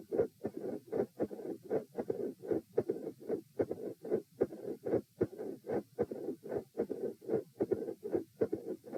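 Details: Heart sounds recorded at position E with the patient supine: intermittent split S1 and a mid-systolic murmur, with regular rhythm about 75 per minute and a soft rushing murmur between beats.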